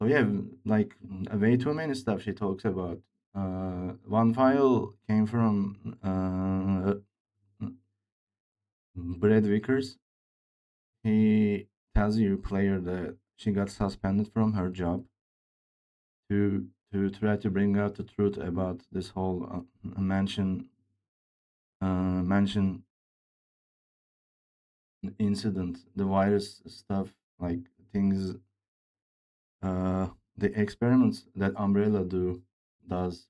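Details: Male speaker with a self-reported speech disorder, type not named, which he says sounds like Grace's but much worse; disfluent speech with repeated words, fillers and broken phrasing.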